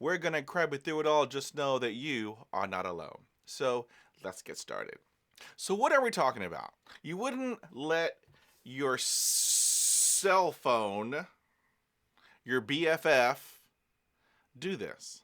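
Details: Adult man who is a person who stutters, speaking about stuttering and self-care; stuttering.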